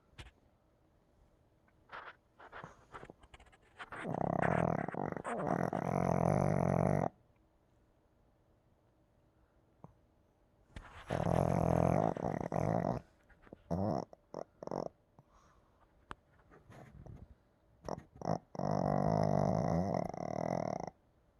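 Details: A dog snores loudly, with three long rattling snores spaced several seconds apart in a quiet room.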